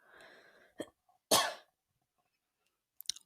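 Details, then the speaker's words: Adult who had talked until their throat was dry and parched gives several harsh cough bursts after a breathy lead-in, separated by silence; brief coughing fit. "goodness I have talked myself dry apparently because I just had a coughing fit so I do apologize for that"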